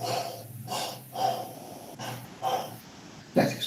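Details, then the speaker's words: Imitated cavernous (amphoric) breath sound, simulating a lung cavity surrounded by consolidation: stethoscope on chest, patient breathing as if tired; no vesicular murmur, instead hollow, blowing cavitary breaths with an 'o'-like tone. "Ya, como hay caverna y condensación, no escucho un murmullo vesicular, pero sí voy a escuchar un soplo cavitario que más o menos es como una o."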